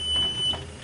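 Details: Steady, high-pitched electronic beep over a soft low hum as a Philips Everflow home oxygen concentrator is switched back on after the humidifier bottle and tubing are attached; start-up beep.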